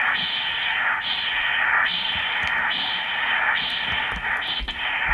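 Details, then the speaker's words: Normal left uterine artery pulsed-wave Doppler at 24 weeks' pregnancy, gate placed about 1 cm below the external iliac crossover, transabdominal ultrasound; rhythmic whooshing "seashell" pulses with soft continuous diastolic swish, about 35 a minute. "you can hear that the Neutron oil tree waveform has this beautiful distinct noise I call it the seashell noise so it's a shh"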